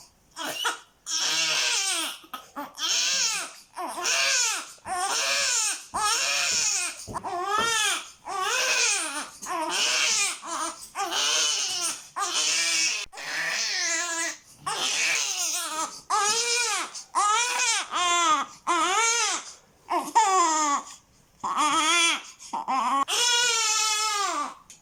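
A newborn cries in repeated, sustained, shrill wails separated by brief pauses for breath.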